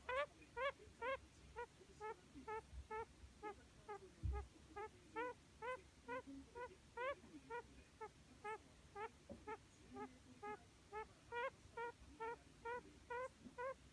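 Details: A budgerigar under treatment with an occasional abnormal breathing noise: rhythmic, short, squeaky clicks with each breath, about two a second; abnormal respiratory sound.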